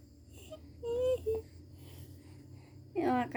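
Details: Baby just woken up and teased until crying: brief whimpers and short tonal cry bursts over faint background music; infant crying.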